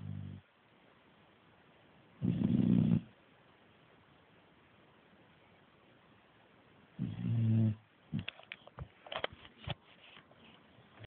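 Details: Staffordshire bull terrier puppy snoring after a hard day of chewing: low, rumbling snores spaced several seconds apart, then brief snuffles and clicks in a quiet room.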